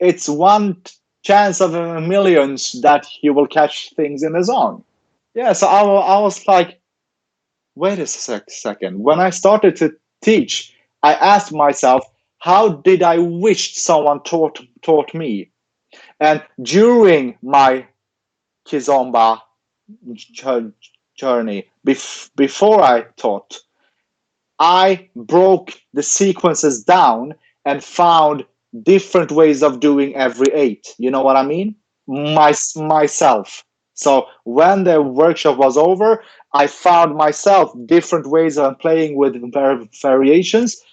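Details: Adult man with stuttering, in speech-language therapy since age ten and later trained as a speech-language pathologist himself; stuttering heard in an interview.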